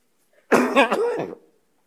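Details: Adult man suddenly coughs during a formal speech in a quiet hall, a single brief harsh throaty cough of about one second, then apologizes; an ordinary cough.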